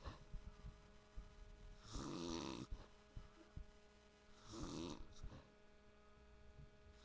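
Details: Father snoring: two loud, rattling snores on breathing in, a few seconds apart, over steady electrical hum and faint ticking room noise.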